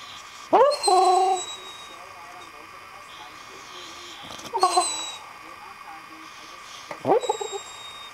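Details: Female pet dog described as a loud sleeper, whining and yipping in her sleep: three bursts of soft whines and muffled yips with quiet gaps; harmless sleep vocalization.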